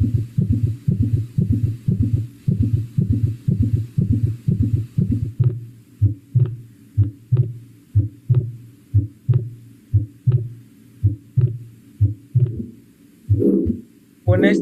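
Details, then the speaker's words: Aortic stenosis murmur: a murmur caused by the aortic valve being unable to open correctly. "¿Qué significa? Hay un soplo porque no se pueden abrir correctamente las válvulas."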